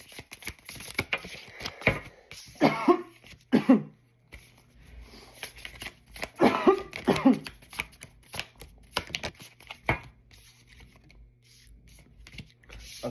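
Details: Adult gives a few short, harsh coughs in separate bouts, with card handling and rustling between them; cough.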